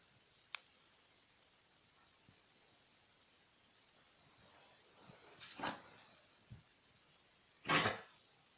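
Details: Dog coughing: a few short, harsh bursts in a quiet room, the last one strongest.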